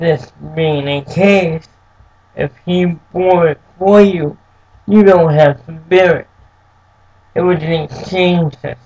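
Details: Dysarthric speech in an adult man with cerebral palsy since birth, who says it makes him move and speak differently.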